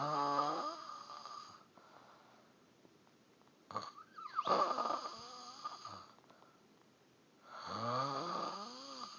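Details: Loud, rough, vibrating snores with quiet gaps between them, about 14 breaths a minute; snoring.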